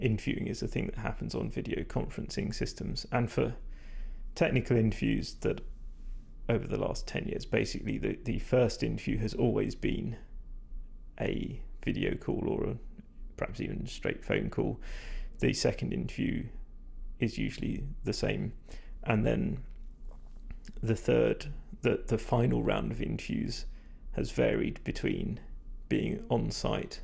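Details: Vocal fatigue in a male speaker, which he attributes to talking a lot without drinking enough; he says his voice is degraded, stressed and not at its peak condition.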